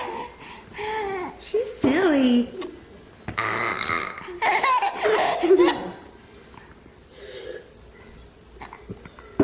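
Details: Several throaty fake burps, done on purpose to make someone laugh, mixed with laughter and voices in a small room; burping.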